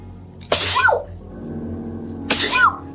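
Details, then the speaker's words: Young woman with bad allergies and sinus trouble who says she is still sick: two sharp, explosive sneezes over a quiet background hum; sneezing. "sneezing so much lately 30 minutes that I have I'll think about it wait what yummy yummy I've sneezed C you I'm allergic to life"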